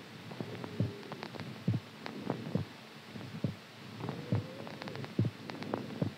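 Soft, steady low thumps at about 69 a minute over a faint hum; an ordinary heartbeat.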